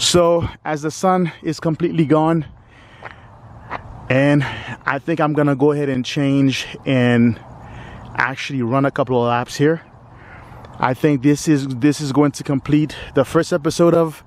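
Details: Stuttering in a 45-year-old man who has stuttered all his life and considers himself not a fluent person despite periods of fluency.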